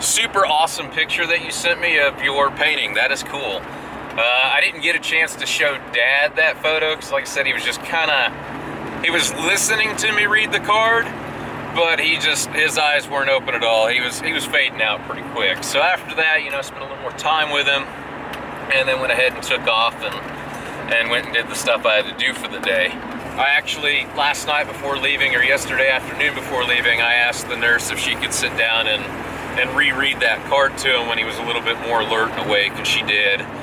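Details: Adult male speaker; normal speech.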